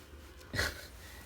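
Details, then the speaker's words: Son asleep, who denies snoring and is told he snores like a tractor: a single brief, rough snorting intake of breath during sleep over faint room noise; snort. "meu Deus filho como tu ronca muito e tu ronca demais filho"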